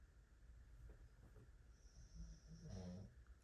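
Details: Low, rumbling snore of someone sleeping in the background of a quiet room, with a louder snorting breath near the end.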